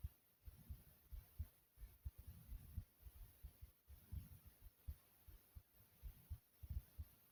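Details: Heart beating quickly and softly: heartbeat.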